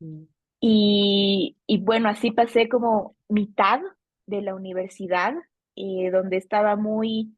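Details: Adult woman, a Bolivian speech therapist specializing in stuttering, who has stuttered since age 4 and noticed it around ages 5–7; stuttering.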